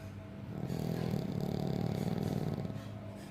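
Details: Female sleeper with a rough, fluttering low snore on the in-breath, rapid vibration through it; snoring.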